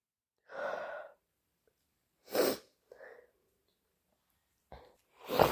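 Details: Induced sneezes: several loud, harsh, wet sneezes separated by short pauses, with thick sniffles between them.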